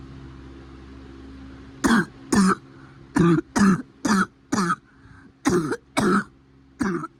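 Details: Cough.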